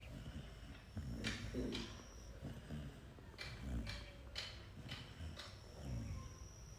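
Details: Sleeping golden retriever or labrador dog snoring, low rumbling snorts about 28 a minute with soft hissy breath between, possibly dreaming; snoring.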